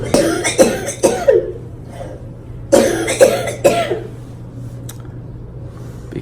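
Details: Two bursts of wet, harsh coughing, about six coughs in all, over steady engine hum; productive cough in a person with cystic fibrosis reporting pain and coughing up blood, who had skipped airway clearance the night before.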